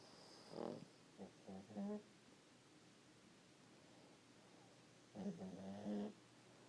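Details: Pug named in speech snoring while asleep; soft snorting, fluttering snores from a small dog in two short bursts over a quiet hiss. Snoring.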